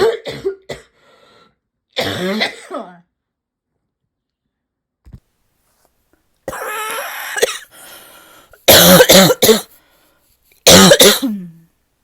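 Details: Barking cough: repeated loud, harsh, deep cough bursts in short runs with a hoarse barking quality.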